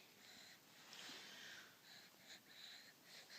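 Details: Son aged 3 months, 16.5 pounds, with laryngomalacia, who sounds like this on his back, sitting, and in his first minute on his stomach. Noisy, high-pitched squeaky breaths with each inhalation: inspiratory stridor.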